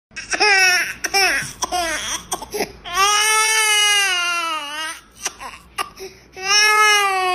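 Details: Clear, high infant crying in bursts, short wails building to long drawn-out cries with gasping breaths; a hungry baby's cry.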